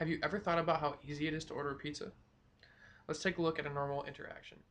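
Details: Adult woman speaking; fluent speech.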